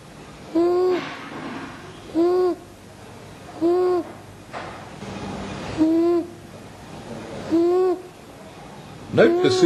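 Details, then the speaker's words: Boy with moderately severe croup, not toxic, asleep. High-pitched crowing stridor is persistent and clearly inspiratory, about 37 breaths a minute; inspiratory stridor. "stridor is persistent and more marked during inspiration hmm oh during sleep the timing of the stridor during inspiration is now obvious"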